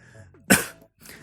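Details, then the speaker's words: Cough in a person: a single sharp, explosive cough burst fading over a fraction of a second, with faint room noise before and after. "So this was you can see मेरे को कितनी खांसी आ रही"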